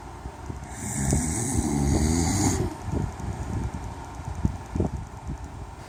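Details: Adult man snoring loudly at night, recorded by his wife: one rough, fluttering inspiratory snore, then quieter snuffling breaths with background noise; ordinary snoring.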